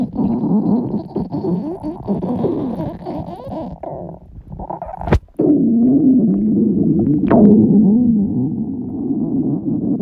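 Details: Loud stomach growling (borborygmi) from girls: continuous low bubbling, gurgling rumbles with a brief sharp click midway.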